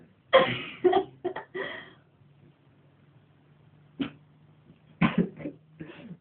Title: sneeze-fest 2007